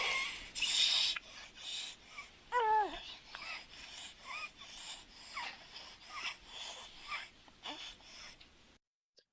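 Rapid, labored infant breathing with harsh, high-pitched noisy sounds on the breaths, including a squeaking tone: stridor from a narrowed upper airway.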